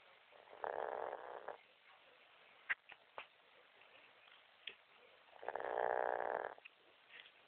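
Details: A sleeping dog, with the owner trying to wake her: two soft, rough snoring breaths several seconds apart, with quiet clicks and shuffling noises between; snoring.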